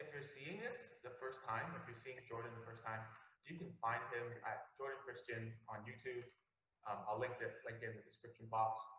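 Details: Adult speaker; typical speech.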